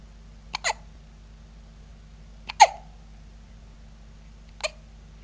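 Three short, sharp, involuntary gulping sounds about two seconds apart over a steady low hum; hiccups.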